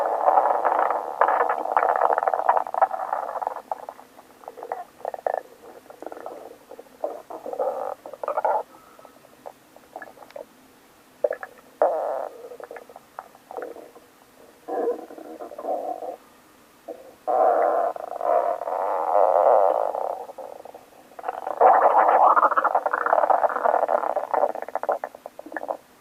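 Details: Own stomach growling on waking, loud long gurgling and rumbling bursts with quieter bubbling clicks between; borborygmi.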